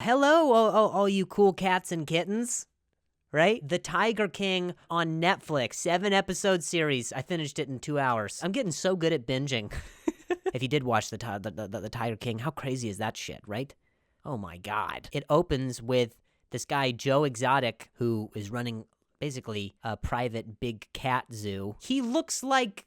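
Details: Adult male comedian who stutters, speech with word and phrase repetitions; stuttering.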